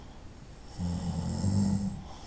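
A single low, rattling snore on an in-breath, with quiet room noise around it.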